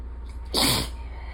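A single sharp, hissing sneeze burst over steady low room hum.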